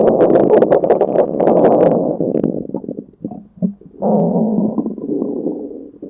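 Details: Loud, low gurgling and rumbling with bubbly bursts and a long drawn-out growl: stomach growling (borborygmi) heard just before an episode of diarrhea.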